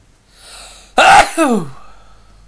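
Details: Single adult sneeze, one of a series of powerful "tickly" sneezes: a sharp burst of air followed by a brief falling voiced tail.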